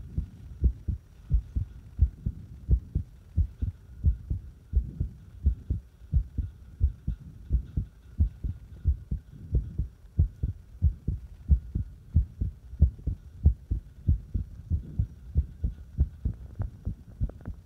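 Rapid, uneven heartbeat, roughly 90 to 100 beats a minute, with unequal spacing between beats; an irregular, fast rhythm.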